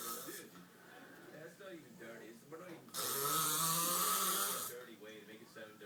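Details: Husband snoring in his sleep: soft, irregular breathing, then one long, harsh, rasping snore lasting nearly two seconds.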